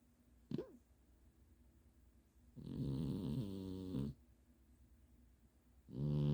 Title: eggs snoring